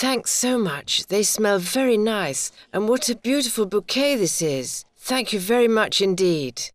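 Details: Adult; typical speech.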